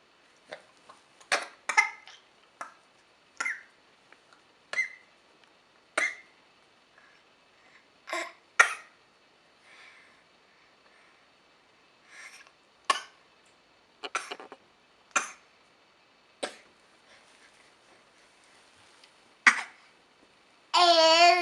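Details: About a dozen short, sharp, high-pitched coughs from a baby, spread out with quiet gaps between them; cough.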